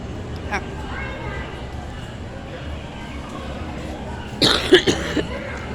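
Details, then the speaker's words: Adult in a quiet room who choked: a brief burst of several forceful coughs near the end. A coughing fit after choking. "Alright, I'm so sorry about that, guys. I did not mean to cough in this video."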